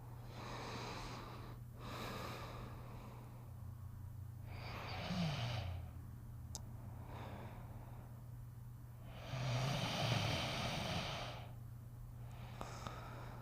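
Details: A sleeping dog breathes rhythmically and noisily, with a snorting, rattling quality: snoring.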